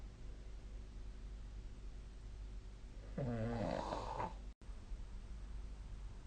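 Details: Snoring during sleep: one loud, rough snoring breath rising from steady room hum, then quiet.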